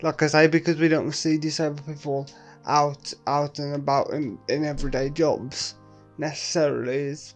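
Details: Adult man with quadriplegic cerebral palsy, currently in a game development apprenticeship; no speech disorder is named, dysarthria in cerebral palsy.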